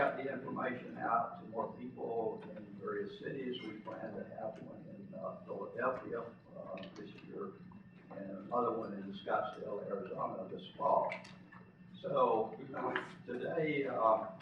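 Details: An adult man who lives with spasmodic dysphonia; spasmodic dysphonia.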